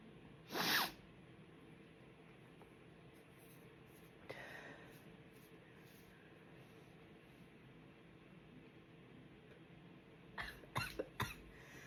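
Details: Desperate stifled sneezes while trying to stay quiet because everyone is asleep: one loud sneeze, a small snort, then a rapid cluster of three short stifled sneezes in a quiet room.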